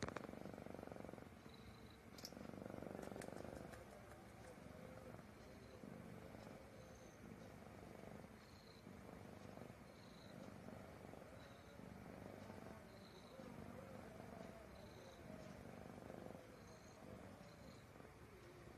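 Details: Cat snoring gently in sleep around 5:49 am, very drowsy: soft, rhythmic rumbling breaths with light whistling notes each cycle over steady background noise.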